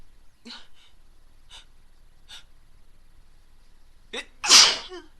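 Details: Woman stifling sneezes: a few small, stifled sneezes, then a sharp catch of breath and one full, forceful sneeze; stifling only works for so long.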